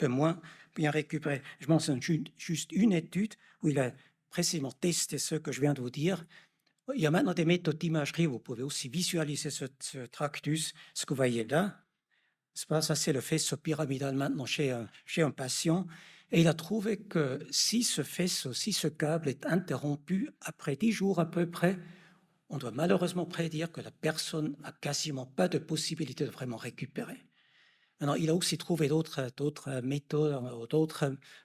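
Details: Adult male lecturer; normal speech.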